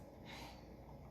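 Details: A newborn baby sneezes during its first bath, held by the father.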